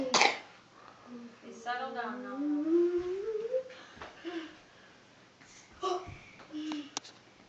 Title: Argh nasty cough